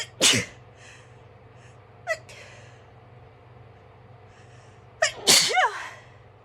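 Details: Person not allowed to blow their nose: two loud, explosive sneezes with a smaller one between, over quiet room hum; sneezing.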